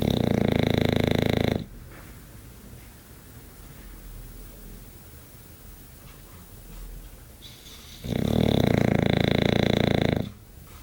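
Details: English bulldog sleeping: loud, harsh, grunting snores about two seconds each, separated by quieter breathing; heavy snoring.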